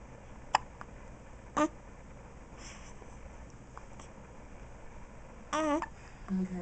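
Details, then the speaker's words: Newborn baby girl with hiccups, one of her first times outside the womb: brief, sudden squeaky catches of breath a few seconds apart, soft room noise. "You know, Daddy, why do you record me hiccuping?"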